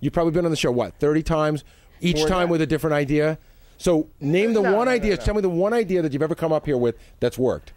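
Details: Adult male speaker; Normal speech.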